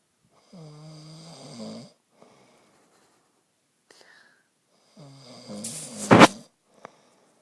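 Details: Adult man snoring in sleep, recorded on a phone at night: two drawn-out, buzzing, tonal snores in a quiet room, the second ending in a sharp snort.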